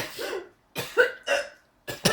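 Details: Hiccups during laughter: several short, abrupt voiced gulps separated by brief pauses; person says laughing makes the stomach hurt.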